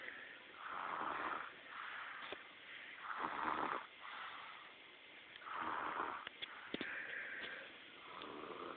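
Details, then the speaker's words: Baby boy napping in his jumparoo, all tuckered out, snoring really loud: slow rhythmic snoring, about 25 rasping breath sounds a minute, soft and unforced. "Boy, he can snore. And he says, jumping, look at him. All tuckered out, snoring. Wish I could sleep like that."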